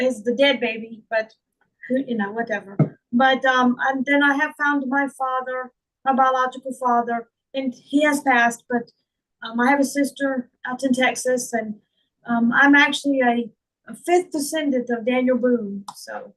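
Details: Adult woman with foreign accent syndrome that began on waking from a migraine in 2021, diagnosed by a speech therapist; she also reports slurred speech and functional neurological disorder.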